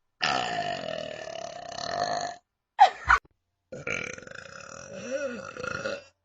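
Two long, loud, voiced belches separated by a brief noisy burst; burping.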